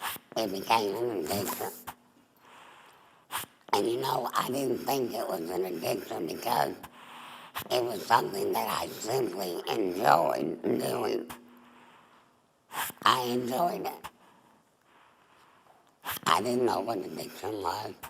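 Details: Adult female former smoker with laryngeal cancer (tumor on the larynx), voice box removed, neck stoma; alaryngeal speech after total laryngectomy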